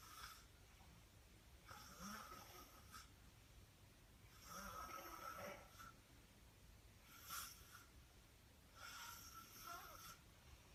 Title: How to snore 101